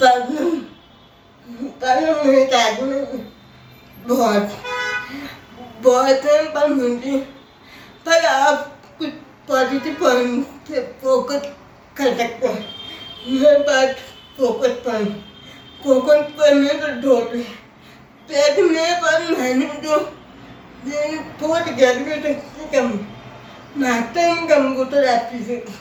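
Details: Adult woman with cerebral palsy who speaks with difficulty: dysarthria (cerebral palsy).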